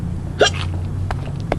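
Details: Hiccups in a person riding in a car: a sudden sharp hiccup with a brief voiced catch, then fainter hiccup-like sounds over steady engine noise.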